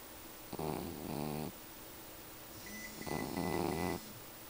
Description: this was one of my cats, katie. she would snore in her sleep. it's adorable.